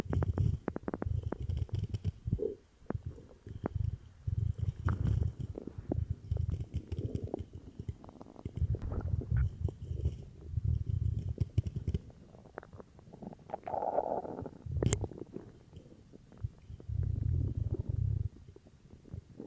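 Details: Repeated low gurgling rumbles with bubbly pops after drinking cola; stomach growling, ordinary bowel sounds (borborygmi).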